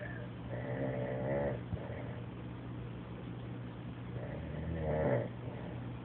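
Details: Light snoring from a man asleep on a couch: soft buzzing breath sounds rise twice, about four seconds apart, over a steady low hum.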